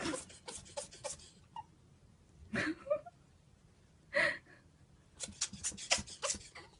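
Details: Sleepy ferret, just woken, with a sneezing attack: clusters of short, sharp sneezes with pauses between.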